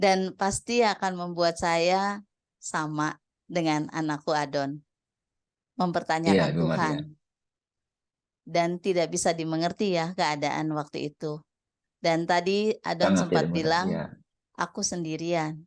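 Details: Adult woman speaking; Normal speech.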